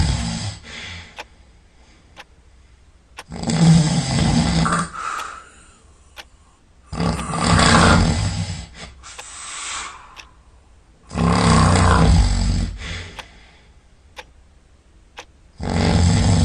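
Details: Snoring at night, sound asleep: loud, rough, rumbling snores on each breath in, about 15 a minute, with quiet pauses between them.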